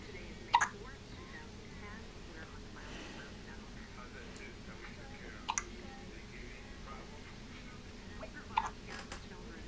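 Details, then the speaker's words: Three brief, sharp hiccups about three seconds apart over quiet room noise with faint voices, from a baby having first-ever hiccups and seeming miserable; hiccups. "Your shirt's too big and you have hiccups."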